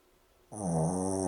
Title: Boston Terrier "Happy" snoring. Hilarious!!